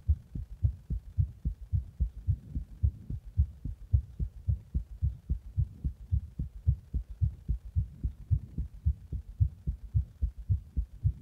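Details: Heart sounds recorded after drinking a Monster energy drink in the bath and being compressed: regular, rapid heartbeat of about 110 beats a minute with loud thumping beats.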